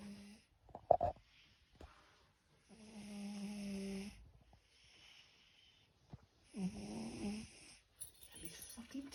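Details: Arlo in deep sleep with tongue sticking out: rough, rattling snores on two breaths, with snuffling and quiet room noise between; snoring.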